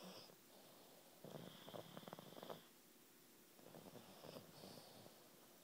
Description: Pug brothers who sleep together, snore together!